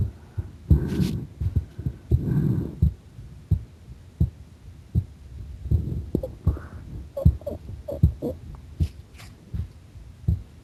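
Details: Normal heart sounds during a breath-hold with applied pressure: steady low heart thumps at about 78 a minute, with brief rustling pressure noise.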